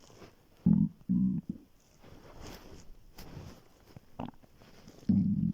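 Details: Morning hunger stomach growling (borborygmi) on waking after being very hungry, before skipping breakfast; low gurgling rumbles in short bursts with quieter bubbling between.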